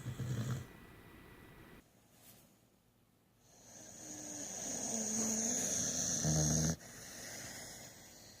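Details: Snoring: short snorting snores and a longer whistling nasal in-breath over background hiss and some handling noise.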